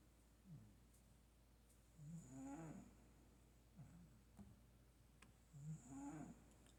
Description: 4 minutes of my cat snoring. Skip around for different tunes.